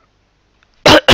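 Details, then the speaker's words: Adult coughing during a recording: two short, loud cough bursts after near silence. "Sorry guys if this sound is so loud when I cough. Realized that in the last episode."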